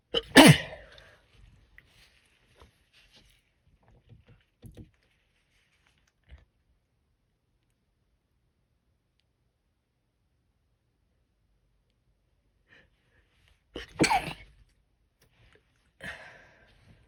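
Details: Attempted held-back sneezes, first try, induced with a Q-tip and stifled with a finger under the nose: a few sharp sneeze bursts separated by long quiet stretches with faint breathy catches between.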